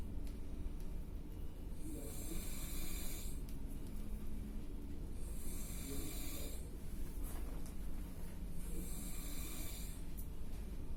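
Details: Loud, rough snoring about every three seconds from an adult asleep in an office room, recorded by a coworker and audible across the room; heavy snoring.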